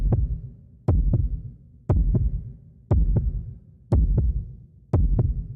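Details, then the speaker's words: Manual blood pressure measurement with stethoscope over the brachial artery as the cuff slowly deflates: regular thumping Korotkoff taps, about 59 a minute, with a fading echo. Their onset marks systolic and their disappearance diastolic pressure. "As you listen, take note of the point where the pulse comes back. That is the systolic blood pressure. And the point where the sound disappears is the diastolic blood pressure."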